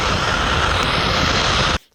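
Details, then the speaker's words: Steady loud hiss of rushing air that cuts off abruptly as air leaks through the open mouth of a snorer wearing a CPAP mask for snoring and sleep apnea. "공기 가 계속 들어오니까 입을 벌리면 기침 이 나 요 . 공기 들어오는 소리 들리세요 ?"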